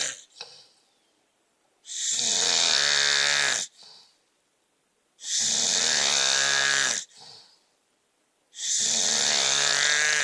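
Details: Adult man (husband) snoring during a typical night's sleep: loud, rough, buzzing snores on each breath in, about three over ten seconds, with quiet breaths out between; loud snoring.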